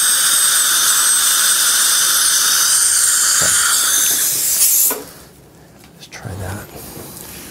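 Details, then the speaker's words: Steady high-pitched dental drill whine with water spray hiss while a diamond bur, moved circularly, adjusts the bite on a mesial marginal ridge after cementation of a porcelain restoration; dental handpiece with water spray. "same thing just try to keep the diamond moving in a circular motion so we don't create just a flat plane and get a little bit of water going there"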